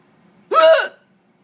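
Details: A single abrupt voiced catch, sudden in onset and clipped at the end, while the person's cats seem unconcerned; a single hiccup.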